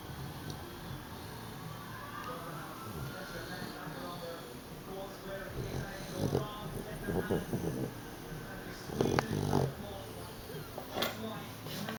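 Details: Boots, a 9-week-old Dogue de Bordeaux puppy tired out from play, snores loudly while asleep, rough rattling bursts on each breath against quiet room noise; ordinary puppy snoring.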